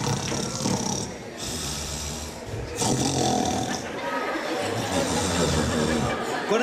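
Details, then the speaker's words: Adult participant imitating snoring in a snoring competition on stage: loud, rough, rattling snores with snorting breaths, crowd noise behind; imitated snoring, not real sleep. "ಗೊರಕೆ ಜೊತೆಗೆ disturb ಮಾಡೋರ್ನು ತೋರಿಸಿದ್ರಿ ಇವರು. ತುಂಬ natural ಆಗಿ ಗೊರಕೆ ಹೊಡಿತೀರಾ sir ನೀವು."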